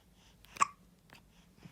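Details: Hiccups in the morning: two brief, sharp hiccups about half a second apart, against quiet room noise.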